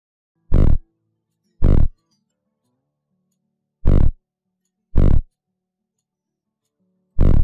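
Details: Slow, deep paired animal heart sounds at about 18 beats a minute, quiet background, used as a lab heart-sound exercise: animal heartbeat.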